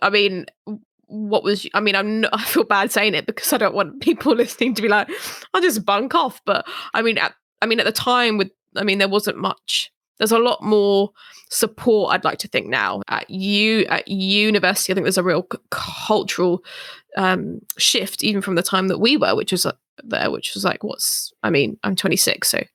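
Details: Adult female who stammers; stammering.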